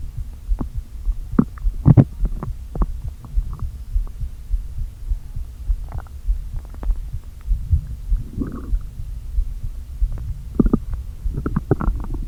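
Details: Stomach noises from a person who had not eaten all day, with air deliberately inflated into the stomach: low hollow groans and scattered gurgles with brief squeaks of air moving back and forth; borborygmi.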